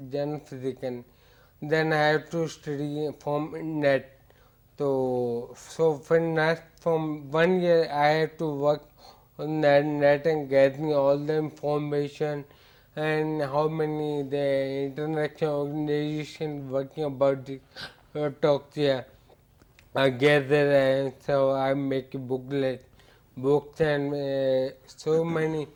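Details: Adult male with ataxia for about eight years, gradual slow onset, with impaired speech; ataxic dysarthria.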